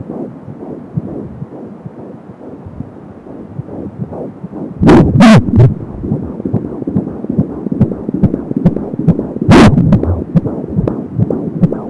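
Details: Fetal heart sounds at 17 weeks of pregnancy on an Angel Sound home fetal Doppler: rapid rhythmic whooshing at 170 beats a minute, with umbilical cord whooshing.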